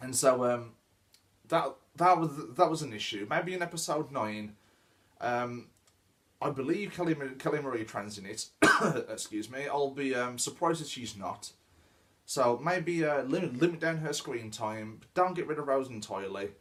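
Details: Stuttering (stammer) in a male speaker who reports he stammers; this stretch has repeated words.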